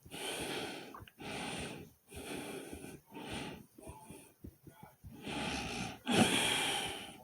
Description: In this video not only is my heartbeat fast and my breathing was hard but my stomach growled right in the middle of it i hope everyone enjoy this very fast heartbeat sound like comment subscribe and enjoy #heartbeat #breathing #stomachnoise